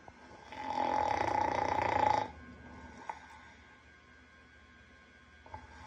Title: Yoda aka Mr.Boots Snoring after being ran over by a truck